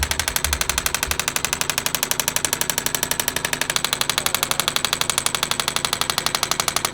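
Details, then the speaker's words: Shockwave therapy for shoulder pain, applied to the top of the shoulder bilaterally on trigger points with a medium red tip while the patient lies on the table: loud, very regular rapid tapping at about four pulses a second as the device fires. "so the nice thing about this as opposed to some of our other modalities is it's actually designed to be able to sit on trigger points"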